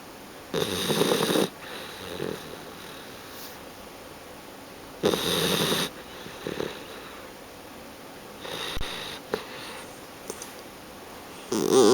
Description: My mum and dad's new guide dog puppy Sophie snoring while she sleeps on my leg